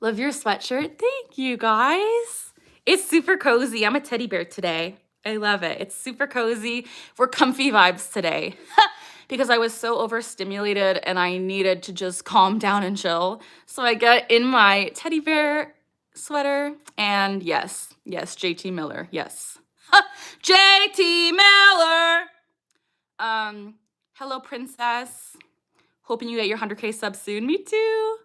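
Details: Adult woman with Tourette syndrome; a recurring phrase tic occurs mid-sentence; vocal tics (Tourette syndrome).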